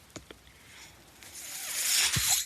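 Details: Ventilator audible behind the user's own speech while he records a Star Wars podcast; a few soft clicks, then a steadily rising hiss of pushed air that cuts off sharply. Mechanical ventilator breathing cycle.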